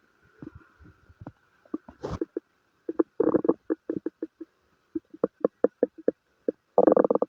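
Bursts of gurgling, bubbling bowel noises in irregular runs; stomach rumbling from gas and fluid moving through the gut.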